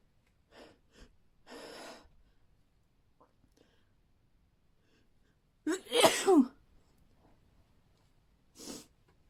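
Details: Induced sneeze: sniffles and a hissing buildup breath lead to one loud, explosive sneeze, then a softer nasal sound.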